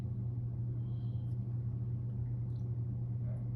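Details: Adult male patient lying flat; stethoscope auscultation over the iliac artery during vascular abdominal assessment gives only a steady low contact rumble with no swishing: no bruit, normal iliac artery sounds.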